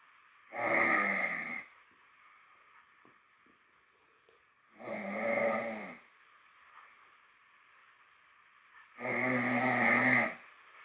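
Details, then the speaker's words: Snoring from a sleeper with a cold, around 2:47 a.m.: three loud, rough snores about four seconds apart, roughly 13 a minute, with quiet pauses between; heavy snoring. "Putain, les bruits se font de plus en plus intenses. Vous entendez? On entend que je ronfle."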